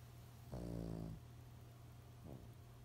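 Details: Lhasa Apso dog snoring: a buzzing, growl-like inward breath, then a softer second snore, over a low steady hum; snoring.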